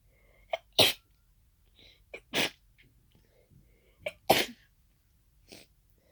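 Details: End of a sneezing fit of unknown cause after nasal irritation, with congestion toward the end; allergy medication taken earlier: three sneezes, each with a short catch before a forceful burst, then a softer sniff.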